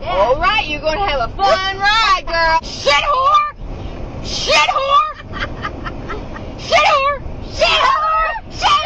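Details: Vocal tics of Tourette syndrome in an adult woman, self-described as really bad at the time, including swearing and whooping sounds; Tourette syndrome vocal tics.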